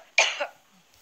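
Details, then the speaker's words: Adult woman during a public speech, known for repeated coughing fits that water and lozenges reportedly don't relieve: a single short, harsh, dry-sounding cough burst, then quiet; cough. "often will pull out a Loz to stop the coughing but that usually doesn't help"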